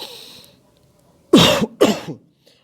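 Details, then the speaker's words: Voluntary cough demonstrated by a physiotherapist in breathing exercises for COVID patients: a breath out then two forceful deliberate coughs, forced expiration to clear sputum from the lungs. "इसमें हमने forcefully expire करना है cup करनी है खांसी करनी है"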